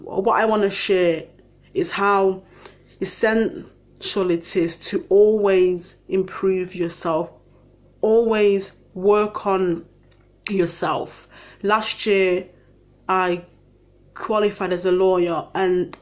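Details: Stammering in an adult who attended a two-week speech and language therapy course in 2018.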